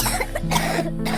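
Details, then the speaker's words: Brief acted cough of one or two short bursts over background music in a cold-and-cough medicine ad. "Kakak demam, flu, dan batuk berdahak. Tenggorokanku gatal."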